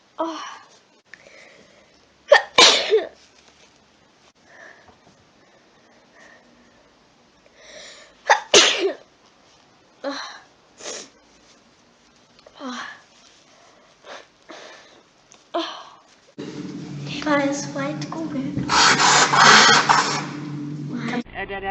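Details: Woman, a German speaker, sneezes sharply several times and sniffs, then blows her nose loudly and at length; sneezing and nose blowing as with a cold.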